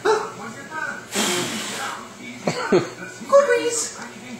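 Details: Adult gives a deliberate, noisy sneeze at a baby during play after breakfast, followed by short infant sounds that may be laughter; sneeze.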